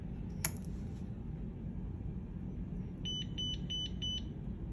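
A click, then a short series of four clear electronic beeps over low room hum: a defibrillator/monitor powering on into monitor mode.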